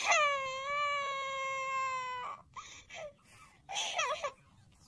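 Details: Infant crying: a long high-pitched wailing cry followed by short whimpering sobs.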